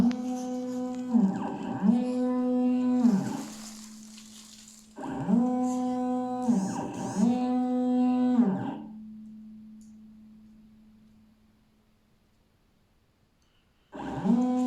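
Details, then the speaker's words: Live demonstration of a simple laser-cut prototype ventilator built to fight Covid-19, pausing 5 seconds on the third breath: steady mechanical humming tones rising and falling in repeated cycles, then a longer pause before cycling resumes. "Je vais faire une démonstration maintenant directe sur lui. Et sur ma troisième respiration, je vais attendre 5 secondes."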